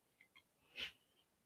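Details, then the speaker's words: Faint hissing, snorty breathing from a small dog sleeping in the background, preceded by two soft clicks. Dog snoring. "I was like, "Oh, that'd be my dog. That would be my dog snoring away.""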